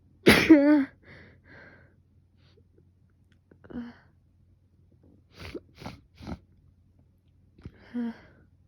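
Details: Sneezing fit in a person with fever, now down, and a sore throat from coughing and sneezing: one forceful voiced sneeze, then three quick sharp sneezes with small gasps between, in a quiet room.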